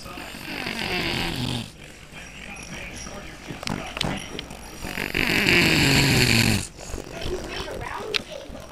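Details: Adult man asleep on a couch at a party, heavy snoring: two long, loud, rattling breath sounds separated by quieter breathing.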